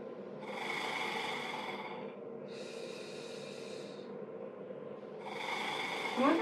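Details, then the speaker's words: Acapella vibrating PEP airway clearance demonstration in cystic fibrosis care: after a deep breath held about three seconds, long forceful exhalations through the device. Each has a buzzing, fluttering tone to loosen mucus. "so it's really important to coach your patient to take a big deep breath in hold it for about three seconds and then blow out forcefully pretty forcefully but not all out just"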